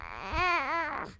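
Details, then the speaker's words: Baby crying during stethoscope assessment, the normal infant noise that competes with heart, breath and bowel sounds in infant auscultation; a brief rising and falling cry. "that's my audio for the little baby noises that they make while you're trying to listen to them"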